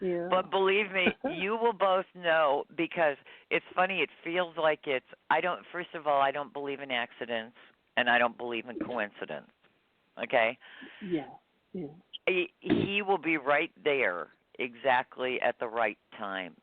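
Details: Adult speaker; normal voice.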